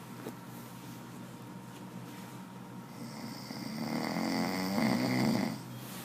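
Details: Adult man sleeping: a low rattling snore building on an in-breath over a faint room hum; ordinary snoring.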